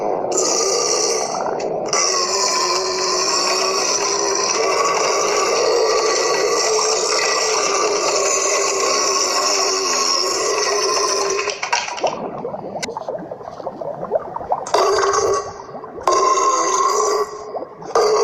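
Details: Belching: a long, loud, rumbling belch lasting about twelve seconds, followed by shorter broken belching bursts, likened to a dragon or dinosaur.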